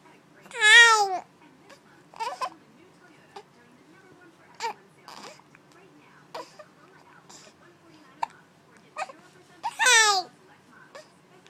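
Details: Infant with hiccups: two fussy cries with soft babbling and a series of short, sharp hiccup sounds between them.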